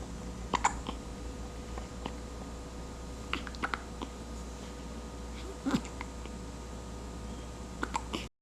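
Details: Baby girl with very small hiccups: soft, faint hiccup-like clicks now and then over steady room hum with small rustles.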